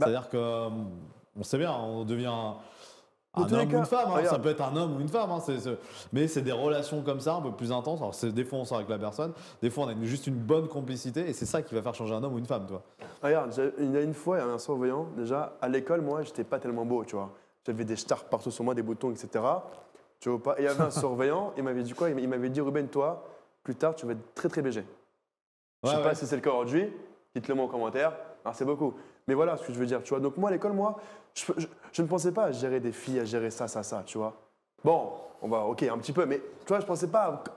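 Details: 24-year-old man who stuttered a lot as a child and now stutters a little less; audible part-word and word repetitions; stuttering.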